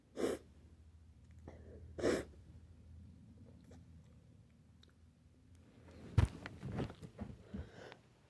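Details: Nonstop sneezing: two sharp, explosive sneezes about two seconds apart, then quieter breathing and room noise; repeated sneezing.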